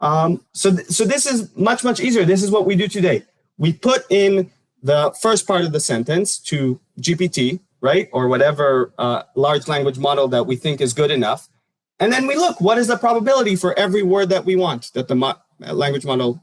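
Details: Adult speaker, lecture; normal speech.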